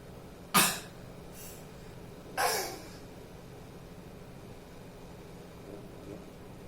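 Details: An imam coughing, with the congregation following along: two short, dry cough bursts a couple of seconds apart, with a faint third sound later, in a quiet room.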